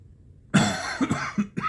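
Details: Adult with ongoing cough and wheezing triggered by talking; ENT fiber optic scope showed redness and irritation at the top of the esophagus, suspected acid reflux; coughing; chronic cough.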